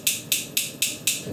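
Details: Focused extracorporeal shockwave therapy on painful back muscles linking the spine and shoulder blade, treating four to five spots with about 3,000 shots. Intensity was lowered because the patient found it painful. Sharp, regular hissing clicks, about four per second.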